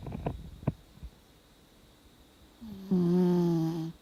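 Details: Elderly 17-year-old Dachshund snoring in deep sleep, snoring more with age: soft snorts, then a drawn-out whistling, buzzing breath.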